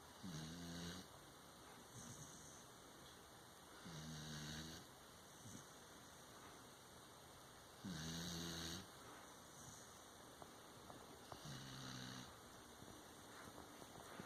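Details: Regular low, buzzing snores on the in-breath about every four seconds over steady background noise; snoring.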